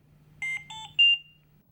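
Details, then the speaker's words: Philips Trilogy100 ventilator medium priority alarm: three short electronic beeps of differing pitch in a repeating pattern over faint room hum, with yellow flashing audio pause button; needs prompt attention. "You hear 3 beeps in a repeating pattern, and the audio pause button flashes yellow. Medium priority alarms require prompt attention."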